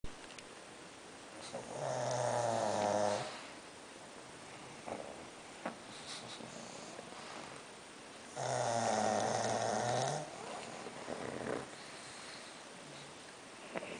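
Two long, loud, rattling inhaled snores about six seconds apart, with soft snuffling between them, from sleeping small flat-faced dogs.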